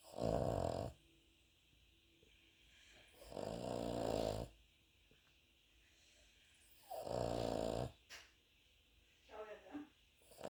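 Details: Cavalier King Charles Spaniel dog snoring like a human: loud rattling snores on three breaths about three seconds apart, with quieter snuffling between.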